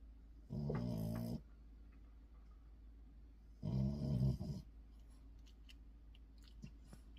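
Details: Two low, buzzing snores about three seconds apart over faint room noise, from a dog (Luna or Maisy); snoring.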